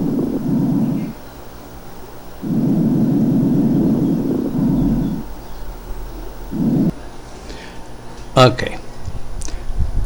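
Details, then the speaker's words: Fine crackles (moist rales) in a teaching recording of chest auscultation: fine, small rub-like sounds at the end of inspiration, from small bubbles forming in the alveoli. "la inspiración cómo se escucha ese ruido fino y ese ruido como frote pequeñito que está dado por las pequeñas burbujas que se forman en los alvéolos y que se forman al final de la inspiración"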